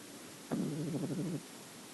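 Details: Nine-week-old female cream-white French Bulldog puppy snoring: one short, low, rattling snore-like breath lasting under a second, in a quiet room.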